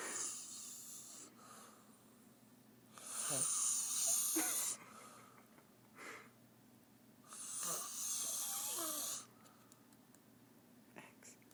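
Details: Adult woman asleep on a couch past midnight, snoring loudly enough to be heard from another room: loud, harsh, hissing snores about four seconds apart in a quiet room with a low hum.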